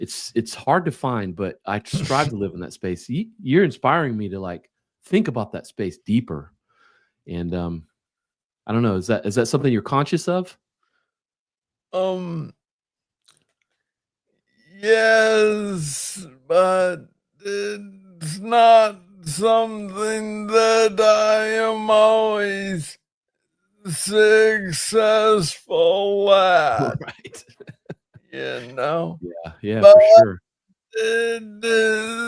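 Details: Adult man diagnosed with Parkinson's disease in 2014 at about age 35, first misread as tennis elbow; described as speaking slowly. Slow speech (Parkinson's disease).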